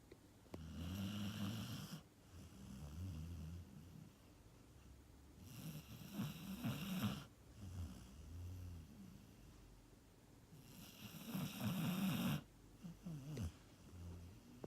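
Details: Adoptable dog napping and snoring: low, rumbling snores with softer fluttering breaths between them, roughly three snores over fifteen seconds.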